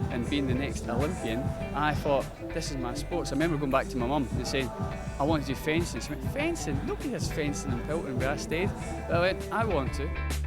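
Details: Young male fencer born deaf, hearing loss picked up at age five, with a resulting speech impediment; also born breech and did not walk until age three: deaf speech (speech impediment from congenital hearing loss).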